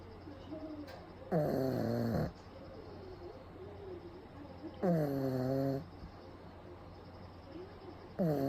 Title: パグが豪快ないびきをかきながら白目でお昼寝中。The pug is just snoring and sleeping